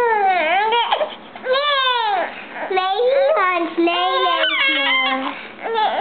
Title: Baby Crying